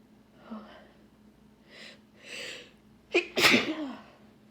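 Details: Woman with bad pollen allergies, stuffy nose and watering eyes, repeatedly sneezing: several quick sniffing in-breaths, then two sneezes in close succession; allergic sneezing.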